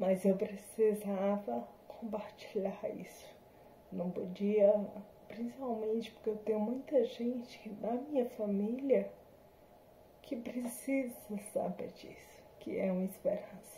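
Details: Adult woman with spinocerebellar ataxia type 7 (SCA7), a hereditary, progressive degenerative disease with symptoms since 2018, recorded after neuromodulation combined with speech therapy and physiotherapy; ataxic dysarthria.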